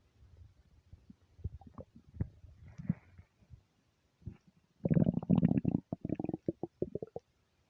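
Soft low rumbles building to a run of rapid gurgling pops and squeaks; ordinary stomach rumbling from gas and fluid moving.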